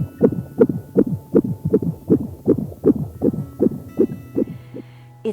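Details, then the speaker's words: Fetal heartbeat heard by Doppler: rapid, regular whooshing pulses at about 160 a minute, a galloping sound. "we can use a Doppler to hear your baby's heartbeat much like the the instrument your doctor uses on your antenatal visits to hear your baby's heartbeat in the office"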